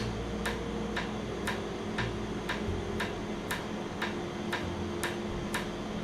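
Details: Laser tattoo removal on a numbed patient's tattoo, reds deferred: sharp regular clicks about twice a second over steady room hum.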